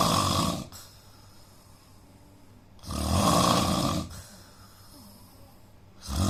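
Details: Indian man snoring, with a suspected nose problem: loud, harsh snores on each in-breath with quieter breathing between, about 19 breaths a minute.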